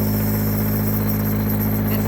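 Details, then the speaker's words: Loud, steady mechanical hum and low buzzing drone from a bulky plug-in compressor nebulizer running. It is noisy enough that the owner's small children were afraid of it. "it does make a lot of noise so as uh uh the kids were small they were afraid of the noise that it made"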